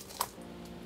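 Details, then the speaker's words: Jaw joint (temporomandibular joint): a single sharp snap/click when moving the jaw, presented as a sign the joint is not right, with the disc out of place. "you did you hear that snap anytime you hear a snap it's an indication that something is not so right"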